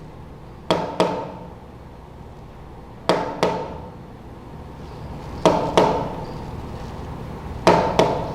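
Sharp taps come in pairs, each pair a short gap followed by a long pause, about four pairs in eight seconds. This paired rhythm imitates bigeminy: every normal beat is followed by an extra early beat, giving a regular but abnormal pattern.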